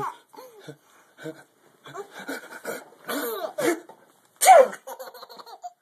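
Short bursts of laughter mixed with a few abrupt cough-like or sneeze-like expulsions.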